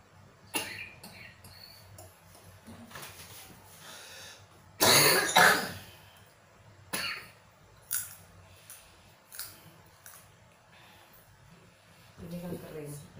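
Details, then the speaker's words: Repeated coughs and throat clearing with one loud harsh burst among smaller ones; a stubborn cough lasting over a month, possibly over two months, with phlegm said to be stuck in the lungs; chronic cough. "Iki batuke sudah lama. Wah, lama lek. Lama piro? Sebulan lebih. Sebulan lebih ya. Bulanan."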